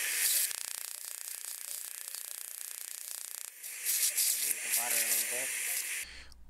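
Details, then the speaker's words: Rapid hissing, crackling pulses with water spray, about 220 a minute, then a burst of louder sputtering: a Waterlase iPlus dental laser cutting the bone window and root tip during a live apicectomy on an infected tooth. "the laser setting is the same for the bone window as well as the root so we do not have to make adjustments there"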